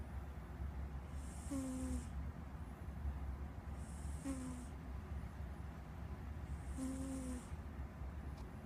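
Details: Pet cat snoring in sleep: soft, regular snores with a faint whistle, about one breath every 2.7 seconds, over low room hum.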